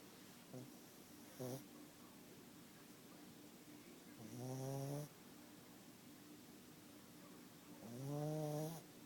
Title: Poseidon snoring